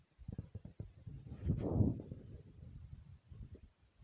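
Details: Rapid heartbeat with heavy breathing after jumping in place: quick, low thumping heartbeats with a loud breath rushing through; a normal fast heartbeat after exertion.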